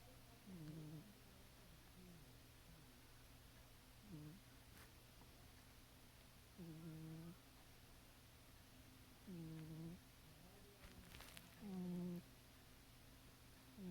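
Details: Cat snoring while asleep: soft, low snoring breaths roughly every two to three seconds, about 25 a minute, over steady background static hiss; described as super loud at times.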